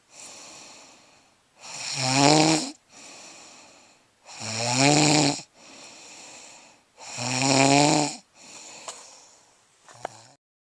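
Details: A person snoring, with loud rattling snores on each breath in and softer breaths out between them, about 22 breaths a minute; ordinary snoring.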